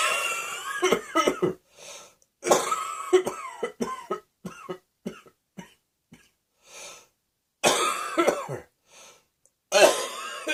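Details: Repeated bouts of coughing with throat clearing and breaths between, several coughs in quick clusters across about ten seconds.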